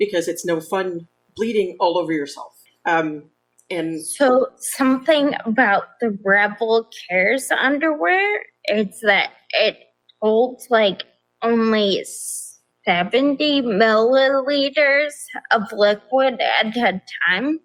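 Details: Ataxic dysarthria in an adult woman with progressive, type-undiagnosed ataxia despite many genetic tests, onset at age 26, affecting balance, speech and nerves with nerve pain; primarily a wheelchair user; also severe anxiety and depression.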